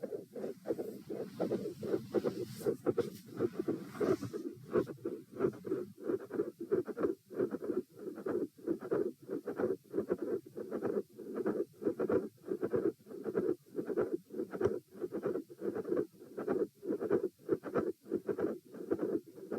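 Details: Repeat auscultation stress test at position E, lying then sitting, standing and lying again, heart rate 84-96-114-78 bpm; midsystolic click with systolic murmur and fixed split S2.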